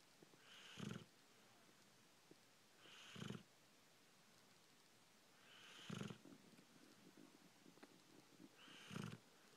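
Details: Sleeping boxer dog snoring: four loud, rumbling snores, about one every 2.5 to 3 seconds, with quiet room noise between.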